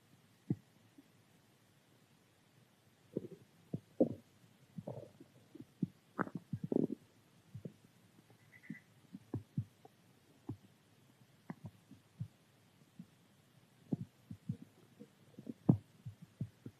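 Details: Stomach growling from hunger: scattered low gurgles and rumbles at irregular intervals; normal borborygmi.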